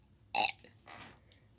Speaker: Okay, goodbye. I can't stop burping.